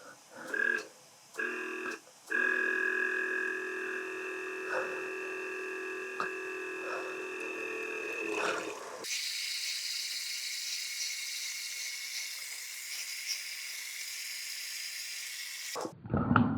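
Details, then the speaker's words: Steady electric pump hum with gurgling water, then a louder higher whir as a NASALFRESH MD electric nasal irrigation device flushes saline through the nose. "Holy shit. That actually works pretty well."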